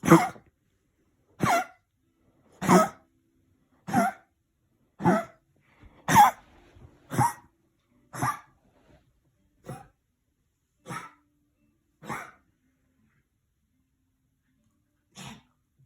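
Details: Small dog with kennel cough during night-time attacks: run of about a dozen harsh, honking coughs, roughly one per second; kennel cough.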